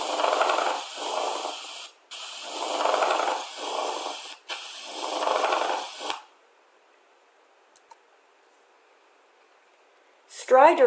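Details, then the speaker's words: Pleural friction rub: harsh grating, creaking sound with each inspiration and expiration, produced when inflamed pleural surfaces rub together, as in infection, inflammation or neoplasia. "Pleural rub is also called friction rub and sounds like a creaking or grating sound, which is produced when inflamed pleural surfaces rub against each other."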